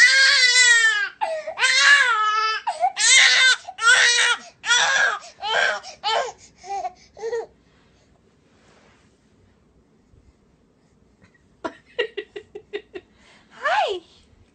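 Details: Loud rhythmic wailing cries from an infant, fading to quiet, then brief fussy whimpers and a final cry as the mother tries to soothe the baby.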